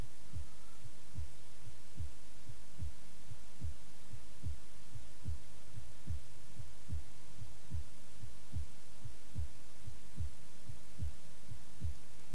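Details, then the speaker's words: Regular low thumps, about 73 a minute, over a steady hum: Korotkoff sounds heard by stethoscope below a releasing arm cuff, first coming through at 100 mmHg; 1970s educational film demonstration. "at a certain air pressure the blood pressure in her artery will be just enough to force blood down past the rubber tube and the doctor can then hear it throbbing through his stethoscope"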